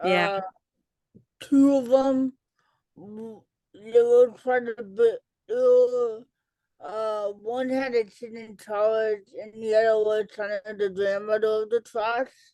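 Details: Adult female educator and author with cerebral palsy; dysarthria (cerebral palsy).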